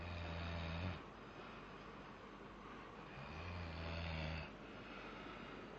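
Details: Sleeping baby snoring: low, buzzing snores on each breath, about three seconds apart, against a steady background hum.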